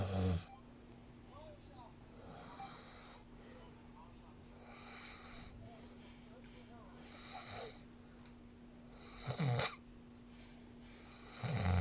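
Faint rasping snores every few seconds over a steady background hum, with a few loud bumps or snorts. Soft snoring.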